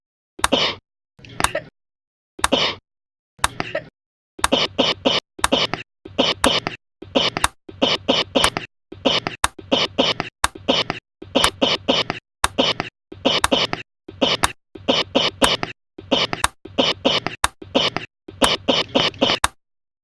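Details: A run of repeated, forceful adult coughs, each with a sharp explosive start and a rough noisy tail.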